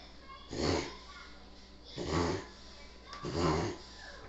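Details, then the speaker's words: Eva, female, having a long reverse sneeze: repeated harsh snorting inward pulls, about three in four seconds, a spasm of rapid nasal inhalation, afterwards seeming better. "That was the longest sneeze. I didn't get it all. It's a long sneeze, girl."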